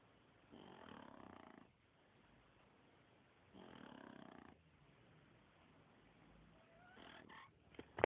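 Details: Two sleepers both snoring together: slow, rhythmic rasping snores about three seconds apart with soft breaths in between; snoring.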